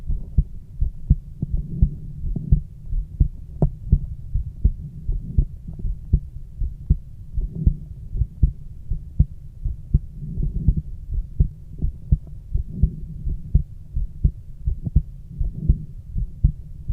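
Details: Heart exam of a girl with a stethoscope: regular low heart thumps, about 85 per minute, with a faint steady hum behind.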